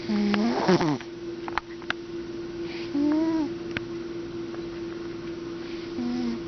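Soft whistling, tonal snores recur about every three seconds over a steady background hum, fitting a snoring cat.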